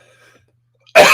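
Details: Adult man's single sudden sharp dry cough after near-silence, cut off; a lingering cough about two weeks in, with a raw throat, which his doctor expects to last four to six weeks.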